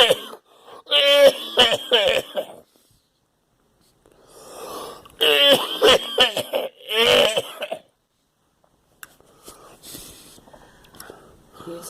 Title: I am coughing